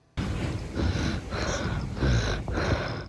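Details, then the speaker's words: Rattling breathing in a 10-year-old girl whose illness began with a sniffle and a barking cough, amid a Mycoplasma pneumoniae surge: noisy breaths with coarse low rumbling on each cycle, suggesting airway secretions. "sound of rattled breathing is never a good sign. It was just sounded really bad."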